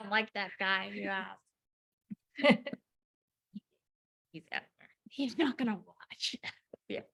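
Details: Woman about 4 years after a 2019 ruptured brain aneurysm with intracranial and subarachnoid hemorrhages, initially unable to speak, 5 brain surgeries in 7 weeks; aphasia with apraxia of speech.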